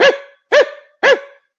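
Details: Acted imitation by a lecturer of the guttural dog-like barking tics of the Marquise de Dampierre, the first described Tourette patient; deliberate, not involuntary; barking vocal tic (imitated).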